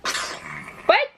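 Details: A single sharp sneeze followed by a brief vocal sound from a sick, congested, teething baby boy; sneeze.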